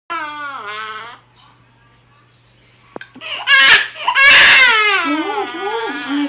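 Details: Baby crying just after birth: newborn gives a short wailing cry, pauses, then cries louder and more strongly; normal newborn cry.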